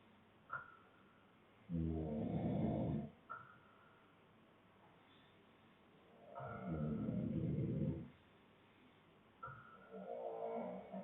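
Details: Adult man (boyfriend) asleep, with other snorers in the background; deep, rattling snores on each breath, each followed by a short exhaled puff, about 13 breaths a minute; snoring.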